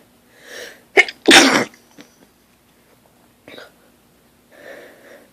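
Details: Sneezing fit on waking, lying in bed, growing progressively stronger: a quick in-breath catch, then a loud, forceful, explosive sneeze, followed by softer breaths.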